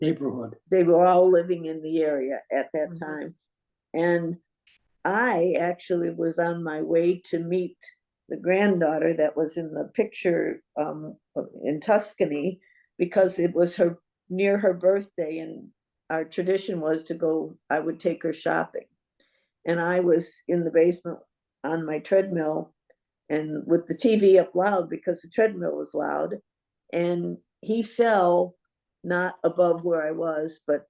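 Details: Adult woman speaking; normal speech.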